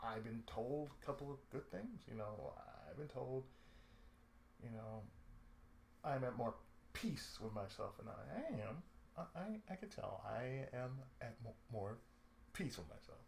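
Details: Adult man with cerebral palsy, a daily lifelong condition with speech problems since childhood; reports an occasional lisp, mid-sentence breaks and pauses, and a drawl; speech affected by cerebral palsy.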